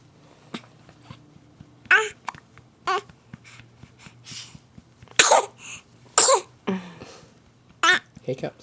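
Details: Two-week-old baby boy: brief, abrupt hiccup catches about once a second, mixed with soft sneezes and fussing; infant hiccups with sneezes.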